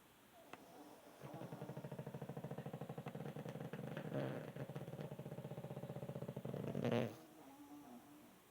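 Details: Pug snoring, said to sound like a man: one long, loud, rattling snore with a rapid fluttering buzz.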